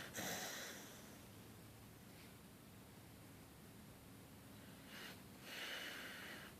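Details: Beagle snoring while asleep and tired, twitching and waking up startled.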